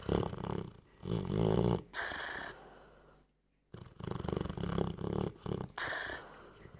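Loud, rumbling, human-like snores, with a rattling inhale and a softer exhale, repeat over a few slow breaths. The sound is noisy breathing during sleep.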